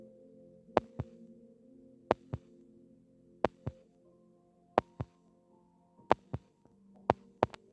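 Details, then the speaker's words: Simulated heart sounds with slow, paired lub-dub beats at about 45 per minute, paired with ECG teaching example of bradycardia. "Bradycardia. Bradycardia."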